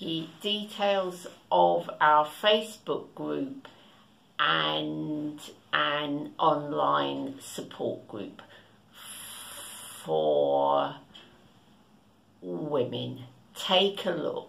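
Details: Adult woman who stammers, speaking spontaneously, with pauses between words suggesting blocks; stuttering (stammering).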